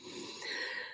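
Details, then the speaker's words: Wheeze in an adult who is unwell and briefly feared pneumonia but thinks not: a brief breath ending in a high, thin whistling tone. "well I honestly for a while there thought I think I've got pneumonia but I don't think I do it's just a wheeze that's pretty bad"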